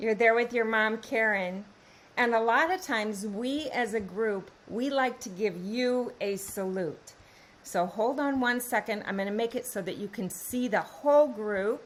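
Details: Adult woman speaking; normal speech.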